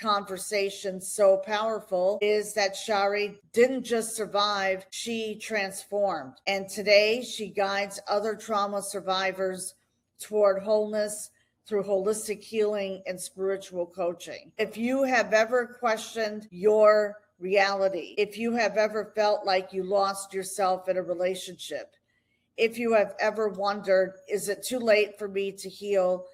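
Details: Adult woman; normal voice.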